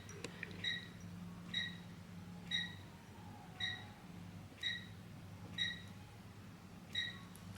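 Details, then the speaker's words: Electrocautery (diathermy) treatment of broken capillaries, thread veins at the corner of a woman's nose, in a live demo: soft high beeps about once a second over a low steady hum as the unit delivers current. "And now I'm just going to treat. So you'll hear a little bleep in the background."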